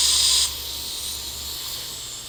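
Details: Dental implant surgery, flapless immediate implant at tooth #13 after crown-root fracture, guided placement with dual-zone graft: a loud, high hiss of suction or spray stops abruptly, leaving a softer steady hiss; surgical instrument noise.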